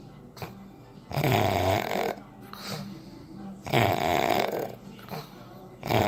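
Repeated rough, rattling snores on the in-breath with softer out-breaths between; loud snoring during sleep.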